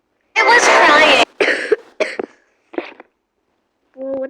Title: Roasting this kuromi cringe fan 💀💀💀 (sry if im coughing its just im not well)